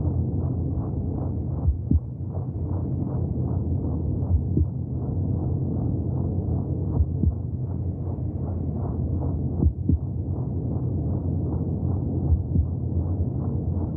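Muffled, rhythmic whooshing pulses under a steady low rumble, like a heartbeat heard from inside the womb.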